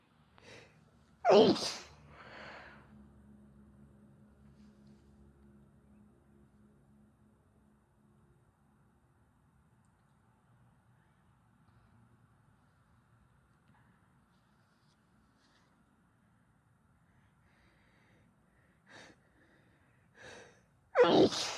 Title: recent compilation of female sneezes and blows